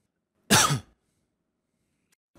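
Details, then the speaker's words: Adult's single short, dry voluntary cough recorded into a microphone for an audio-effect demonstration, no rattle or mucus sound; dry cough. "cough is very dry and the effect works best when the cough is very slimy."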